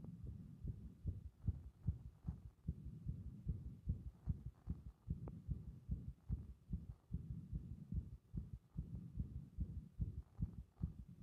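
Rapid low heart thumps, roughly 140 a minute, with uneven spacing and pauses in places, fitting repeated irregular beats.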